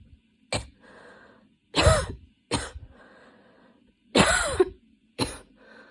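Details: Coughing fit while studying, starting minor and worsening until intense, patient changing positions (standing, kneeling, sitting with hands on knees) to relieve chest: five quick harsh coughs, some raspy, with breathy pauses; sustained fit.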